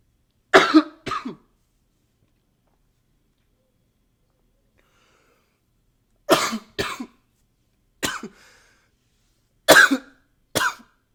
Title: 11 - coughing with a new microphone, some nose blowing sometimes